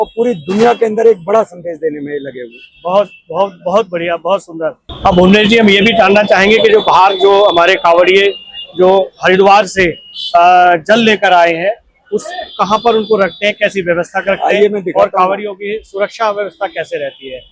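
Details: Adult male speaker; normal voice.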